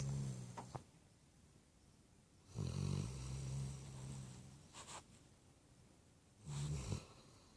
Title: Snoring Puppy